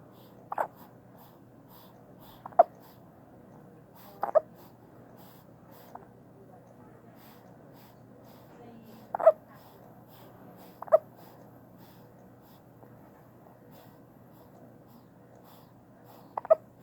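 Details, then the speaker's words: Infant just after first bath and bottle feeding, held by mother: six brief, sharp hiccup sounds at irregular intervals over about 17 seconds in a quiet room; infant hiccups. "has the hiccups. She got her first bath today and just finished feeding with the bottle."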